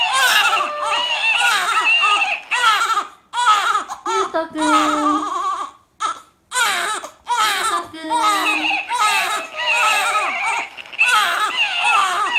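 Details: Infant boy wailing loudly after being startled by his father's sneeze: sustained vigorous crying with brief pauses for breath.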